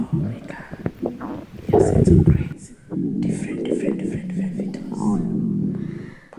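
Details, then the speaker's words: Pregnant woman's stomach after drinking Coca-Cola or Sprite: loud gurgling "crumbling" sounds confirmed as coming from her stomach; bowel sounds (borborygmi). "Yes, it's from my stomach. I've tasted cola before. I don't know which one is I don't know, between Coca-Cola and Sprite, which one gives me that crumbling sound."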